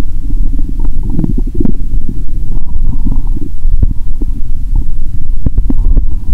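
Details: Bowel sounds heard through a stethoscope on the belly: continuous low gurgling and bubbling with scattered pops, active borborygmi.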